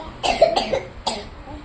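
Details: Sick young child, on medication and due for an x-ray, gives three quick, harsh coughs in a short burst.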